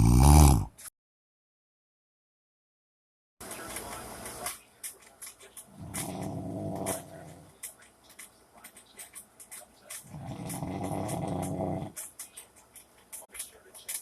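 Two long, low rumbling breath sounds a few seconds apart, with room noise between: a sleeping dog's snoring.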